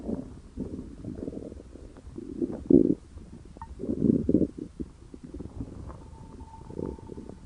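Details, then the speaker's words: Stomach growling (borborygmi), heard for the first time and taken as a sign of hunger: low, irregular gurgling and rumbling bursts from the belly. "Oh no! My tummy is grumbling for the first time. Now I will get hungry for some food."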